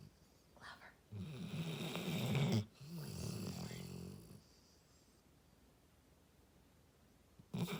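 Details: Dog described as the world's loudest snorer; loud, rattling snores lasting several seconds each with quiet pauses between; heavy snoring in sleep.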